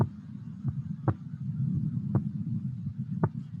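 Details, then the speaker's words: Soft, regular, low-pitched normal heart sounds at about 56 a minute over low rumbling noise, with breathing audible. Recorded heart sounds used in a virtual COVID-19 patient case whose lungs had bilateral wheezes. "these are the proctor harvey heart sounds and I know you're not appreciating them anywhere close to the cool thing"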